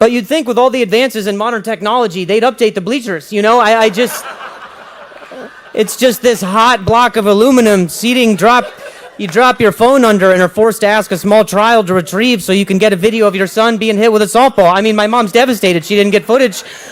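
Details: Acquired neurological stuttering in an adult; onset at age 20 after a head injury during a softball game.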